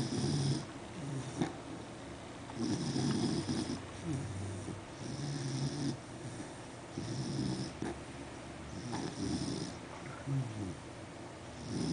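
Loud, rhythmic rattling snores about every two seconds, roughly 30 a minute, with short wheezy whistles: steady snoring in a sleeping dog.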